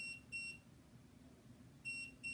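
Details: Two short high-pitched electronic beep pairs over quiet room noise, attributed by the speaker to his heart monitor; a device alert tone, not a clinical heart rhythm; electronic beeping.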